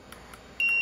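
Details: LTV-1200 mechanical ventilator powered on and programmed before connection to a patient, at the new patient selection step: two faint clicks, then a steady high electronic beep; an ordinary button-press tone.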